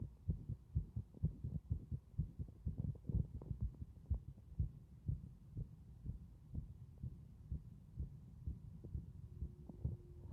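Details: Muffled, regular low heart thumps under a steady breathing rush through the chest piece; heart sounds with prominent breath sounds.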